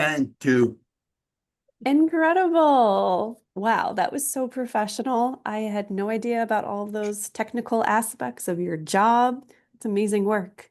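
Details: Adult woman speaking; ordinary fluent speech.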